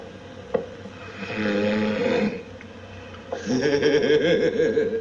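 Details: Adult woman asleep in bed beside her husband, filmed without her knowledge: loud, rough, rattling breaths with a guttural vibration on each breath, snoring.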